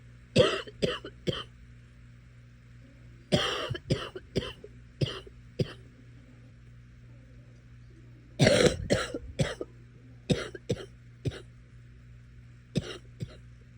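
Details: Repeated short, sharp coughs in five clusters, about fifteen in all, over a steady low room hum, while watching Netflix.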